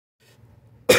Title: coughing